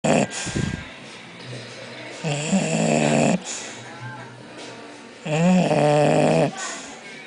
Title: bulldog snoring